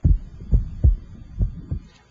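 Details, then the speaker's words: Physiological splitting of the second heart sound at the pulmonic area, electronic stethoscope: S2 widens with inspiration and becomes single with expiration; steady heart sounds about 70 a minute. "the second heart sound splits or becomes wider normally with inspiration and become single with"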